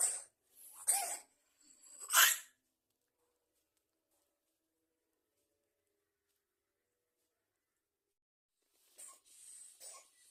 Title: Begini kalau kucing sedang batuk#kucingbatuk